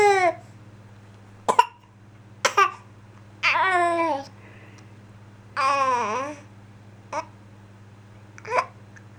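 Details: Baby with hiccups he dislikes: short vocal bursts and whimpering, with hiccuping and a few brief sharp ordinary coughs in between; cough.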